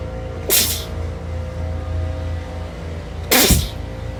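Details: Girl sneezing: two sharp, loud sneezes about three seconds apart over a steady low hum and faint music.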